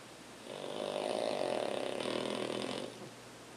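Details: Pug snoring as usual: one long, rough, rattling snore on an in-breath, typical of a flat-faced dog's noisy breathing in sleep; snoring.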